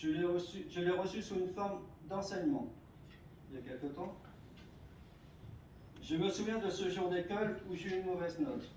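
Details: Adult male speaker; stuttering.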